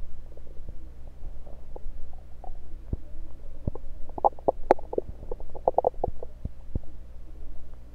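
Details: Bowel sounds through a stethoscope moved around the belly (10/16/23), recorded mainly to show stethoscope placement: irregular gurgles and soft clicks over a steady low hum.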